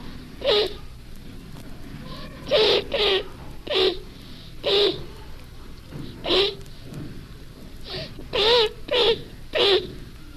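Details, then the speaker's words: A 10-year-old boy faking a cough to stay out of school gives about nine short, loud, honking coughs at irregular intervals. He fooled his doctor and even had a bronchoscopy; psychogenic (habit) cough. "they cough for a particular reason usually to get out of school or to avoid examinations and may present a difficult diagnostic problem psychogenic coughing should be borne in mind when faced with a persistent cough with no obvious apparent cause"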